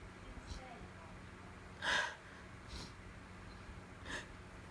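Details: Repeated sneezing with allergies on top of a cold: three short, sharp sneezes over a steady room hum, part of a long run of sneezes.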